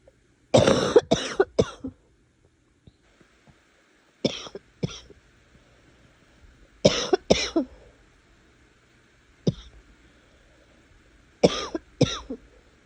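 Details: Harsh, explosive barking coughs in clusters of two to four, about five bouts with pauses, after trying to suppress a cough for a long time; barking cough.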